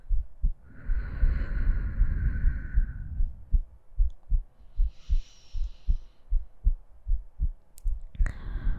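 A slow exhaled breath, then soft, steady heartbeats at about 77 a minute. The rhythm is regular.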